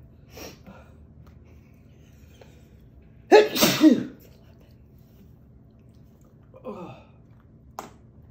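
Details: Sneeze provoked by sniffing cinnamon powder in a sneeze challenge, eyes watering afterward: quiet room, then one loud, explosive sneeze with sharp intake and burst of air, followed by faint breathing.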